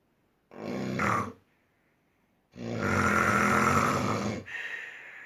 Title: Snoring at its height